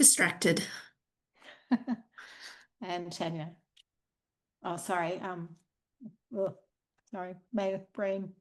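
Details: Adult woman speaking; ordinary speech.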